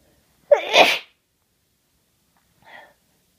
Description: This is day one of a head cold. I've been sneezing, blowing my nose, and sniffling most of the day.